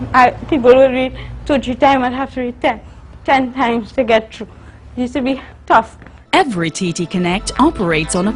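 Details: Adult woman, a university student born with cerebral palsy of the spastic type (stiff muscles), with dysarthric speech in cerebral palsy.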